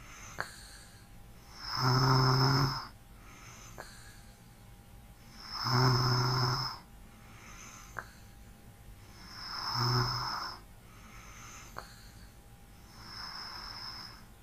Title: ASMR SNORING 8